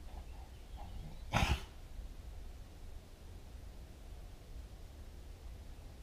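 One short, sharp cough-like burst from an animal, probably a dog, in a quiet room; a single cough.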